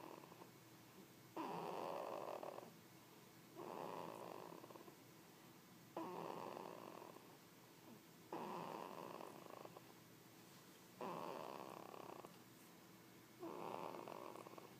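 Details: 20-day-old newborn boy asleep: soft rhythmic purring, snore-like noises with each breath, about 26 breaths a minute; parents unsure whether snoring or vocalizations.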